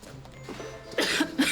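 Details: Simulated cough: an adult woman acting in a TV drama scene gives two quick, sharp cough bursts over soft background music, then says she is fine.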